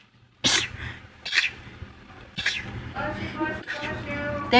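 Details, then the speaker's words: Person who habitually sneezes 4 to 12 times in a row: a quick run of about four sharp sneezes, with voices in between; sneezing. "I sneeze between 4 to 12 times per sneeze. Thank you. Everyone that knows me knows to wait till I'm done to say bless you."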